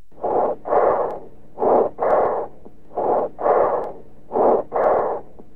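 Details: Tracheal bronchial breath sounds heard over the trachea and cervical spine: loud, harsh, blowing, with a clear pause between shorter inspiration and longer expiration; stethoscope teaching recording.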